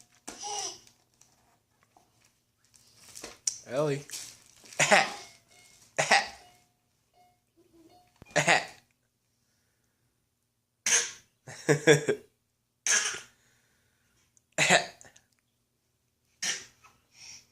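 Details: Young child deliberately fake coughing: a series of short, playful voluntary coughs, not a true cough.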